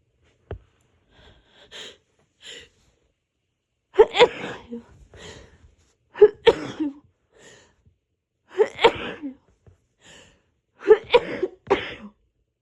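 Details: Deliberately induced sneezes in a person getting over a cold with an itchy nose and hoarse voice: four bouts of quick, forceful double or triple sneezes, each preceded by a sharp intake; repeated sneezing fits.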